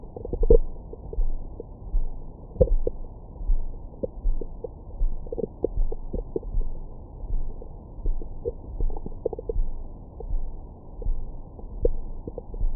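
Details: Low rumbling with frequent gurgles and brief squeaks over the belly, recorded with a Stemoscope stethoscope microphone after a large meal for ASMR: normal active bowel sounds, stomach growling.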